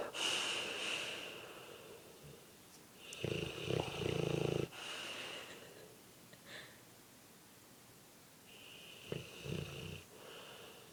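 Loud rattling, snorting breaths with whistling noises, recurring with each breath, typical of heavy snoring in a large dog.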